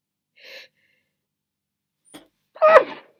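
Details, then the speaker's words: Deliberately muffled sneeze while trying to stifle it: a quick intake of breath, a pause, then a single muffled sneeze with a short voiced burst; sneezing. "oh man I'm trying to find the best way to muff these I'm failing"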